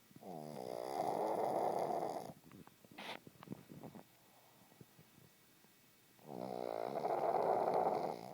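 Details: Pug (flat-faced dog) snoring; two loud rattling snores separated by a quiet pause with a few snorts and clicks; snoring.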